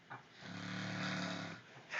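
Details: Man snoring at 3:30 in the morning, unedited recording: one loud, drawn-out buzzing snore on an in-breath, with quieter breathing before and after.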